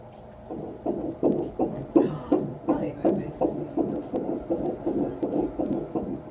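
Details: Fetal heartbeat on Doppler ultrasound at an 11-week sonogram, in a mother with uterine fibroids: rapid, regular whooshing pulses, about 168 beats a minute.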